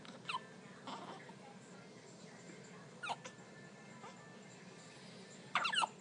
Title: Cutest set newborn identical twins with hiccups